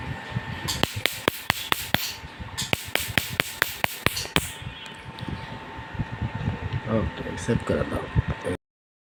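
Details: Bursts of sharp snapping clicks, about two a second, with room noise: laser machine pulses removing small moles/freckles across a man's cheeks, nose and forehead.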